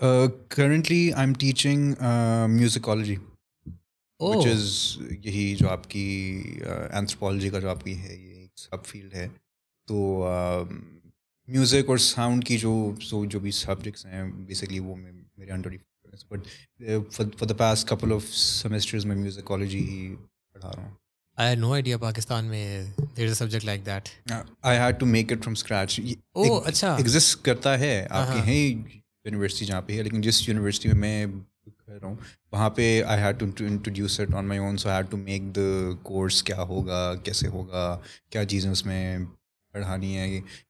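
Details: Stuttering in an adult male who has stammered since about age 3-5, with a return in his early 20s; he reports blocks, masked with alternate words, deep breaths and switching language.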